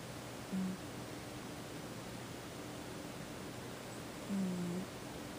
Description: Cat named Big Boy snoring. Turn up the volume and listen closely. Honestly, that's is the cat snoring. He does it fairly often.